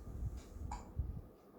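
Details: An infant girl struggling with hiccups while her father helps relieve them: a single short, sharp hiccup over low handling rumble.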